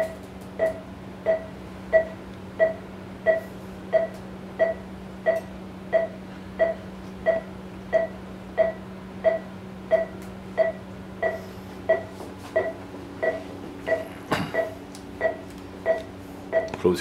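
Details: Anaesthesia monitor on a Shih Tzu dog during bladder stone removal surgery under gas anaesthesia with oxygen: steady, regular pulse beeps at about 90 a minute over a low hum.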